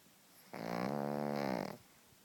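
A single loud, buzzing, vibrating snore lasting just over a second, typical of a short-nosed dog's noisy breathing.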